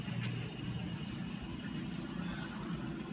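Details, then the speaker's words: Philips Respironics EverFlo 5 L home oxygen concentrator just switched on, giving a steady low compressor hum with faint rhythmic pulsing. "I'm going to give you a quick tutorial on how to use the respironics ever flow oxygen concentrator so you first obviously plug the unit in and we have the often on switch which is right here so I'm gonna press on ok"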